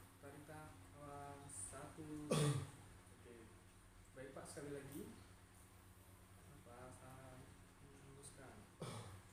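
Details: Acted effective cough by a man in a simulated bronchitis patient during chest physiotherapy: after taking a breath and exhaling, one short, loud, throat-clearing cough to bring up sputum. A little sputum comes out afterwards.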